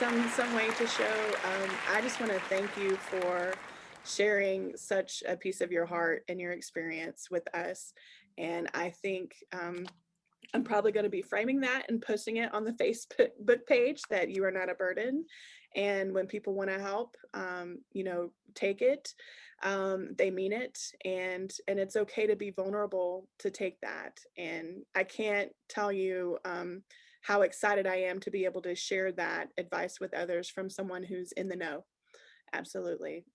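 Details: Adult woman speaking; normal speech.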